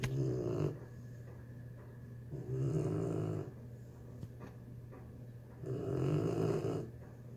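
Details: 3-month-old pitbull puppy snoring in the bathroom after a hard day: three low, rattling snores in a quiet room, each on a slow breath in about 3 seconds apart.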